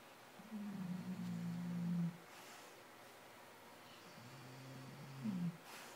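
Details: A sleeping dog snores like an old man, as it does every night: two low, rumbling, droning snores with a pause between, the second ending in a rising snort.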